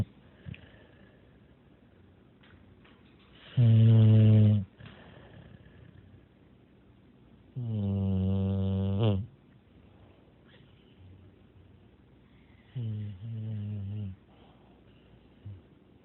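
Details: Snoring from an English Bulldog asleep in the corner of a dark room: loud, low, rattling snores, three breaths over about 16 seconds.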